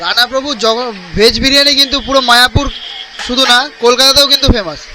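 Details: Adult man speaking Bengali; Normal speech.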